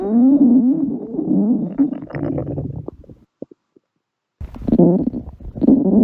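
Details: Long gurgling, squeaky stomach rumbles with a brief pause, then more gurgling; stomach growling (borborygmi), a normal sound of gut movement.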